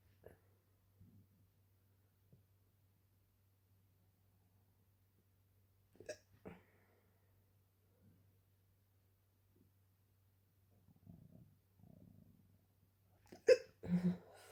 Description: I had just drunk a glass of water and went to sleep when I started hiccupping out of nowhere.